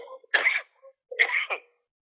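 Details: Two harsh explosive coughs over a thin phone line, each followed by a short breath; 34-year-old ophthalmologist diagnosed with Wuhan coronavirus, coughing too much and breathing too poorly to speak, hospital machines in background.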